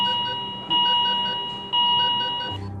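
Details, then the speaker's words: Repeating steady electronic alarm tones, each about a second long, as ventilators and other life-support machines for newborns in a hospital switch to emergency batteries after a power loss. "the alarms begin to ring as emergency batteries kick in"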